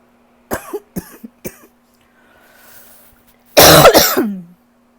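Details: Three short dry coughs, a pause, then a louder harsh double cough trailing into a voiced groan, from someone who cannot shake a lingering cough; a persistent cough.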